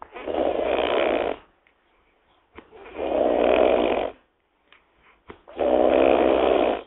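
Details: Wild boar snoring while asleep: three long, rough, rumbling breaths in a quiet room, each over a second long, with short pauses between.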